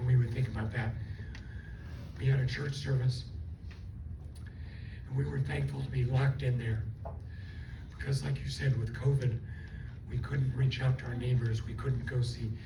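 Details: Adult woman with dysphonia from unilateral left vocal fold paralysis caused by a stroke; she speaks with one working vocal cord, the cords do not seal, and she also lost swallowing function.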